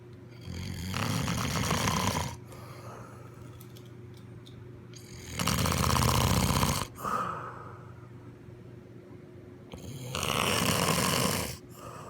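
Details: Loud, rough, rattling snores lasting about two seconds each, separated by quieter breathing; about three snoring breaths in twelve seconds.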